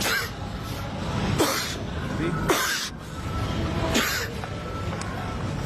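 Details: A 38-year-old man gives four sharp, deliberately forced coughs and sneezes at supermarket customers during COVID-19 lockdown, laughing as he carried on; he later tested negative for coronavirus.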